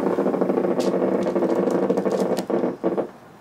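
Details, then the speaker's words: Needle EMG during a very mild contraction after the arm is gently raised, in an electrodiagnostic exam that includes a median nerve carpal tunnel study: a steady, rapid crackling buzz of a few units, about 1 mV and 5–10 ms; normal motor unit potentials. "so it's a very mild contraction just a few units near the need contract"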